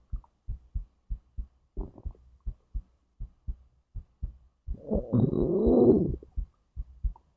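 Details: Own recording of heartbeat and digestion from stomach to intestines: regular soft heartbeat thumps with a longer gurgling rumble midway; ordinary bowel sounds heard alongside the heartbeat.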